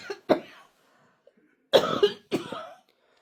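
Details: Three harsh, forceful cough bursts with short pauses, from an adult woman who developed the cough after choking on some water.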